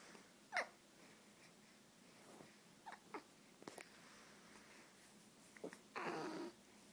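Brief, abrupt catches of breath recurring every second or two over quiet room noise: infant hiccups, a common harmless reflex.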